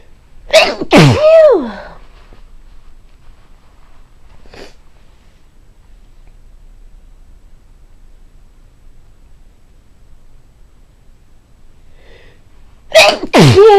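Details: Repeatedly sneezing on waking in the morning, unsure if pollen is the cause after a day of rain: two explosive sneezes in quick succession, a long pause, then another sharp sneeze.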